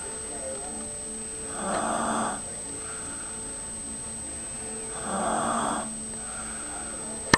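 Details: Two slow, noisy breath sounds about three seconds apart over a steady room hum; a man named in the recording snoring while asleep.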